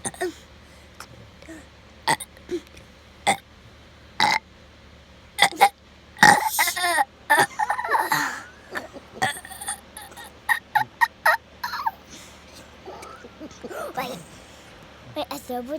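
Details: A long run of repeated burps, some short and some drawn out, with laughter and talking nearby. Ordinary belching.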